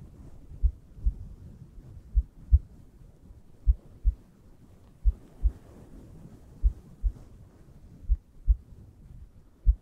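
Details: Soft, steady paired lub-dub heartbeat sounds at about 70 beats per minute over a low hiss, quiet ASMR relaxation recording for sleep.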